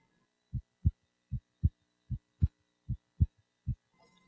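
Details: Crisp paired lub-dub beats at about 75 a minute with quiet pauses, heard by stethoscope at the pulmonic area during a demonstration physical exam: normal heart sounds.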